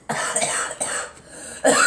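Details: Several short, harsh cough bursts with throat clearing from two people, an adult and a girl, coughing in a small room.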